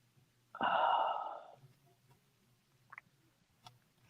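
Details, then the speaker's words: A single sudden, breathy sneeze from a cat said to have allergies, followed by quiet room noise. "I heard that sounded like the cat sneezed she did is she okay she fine she fine she got she the one with the allergies all the allerg"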